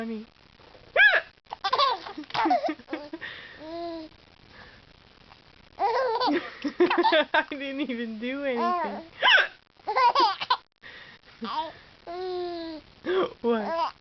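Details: Hiccups from a mother while her infant son laughs at them: repeated bursts of infant belly laughter mixed with short, sharp hiccup sounds.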